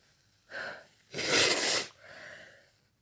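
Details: Person feeling a bit sick, woken in the middle of the night by a sneezing fit: sharp in-breath, one loud explosive sneeze, trailing exhale; sneezing.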